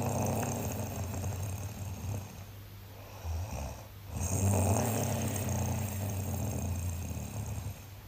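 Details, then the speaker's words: Adult snoring in sleep, recorded by a partner to prove how loudly they snore: loud, low, rattling inhaled snores with a brief quieter gap, mild room noise. "that sound you heard off the top that was me recorded by my partner while I was sleeping just to prove to me how loudly I snore"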